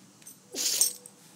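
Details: Dog sneezing on cue: a single short, hissing, sharp nasal burst in a quiet room.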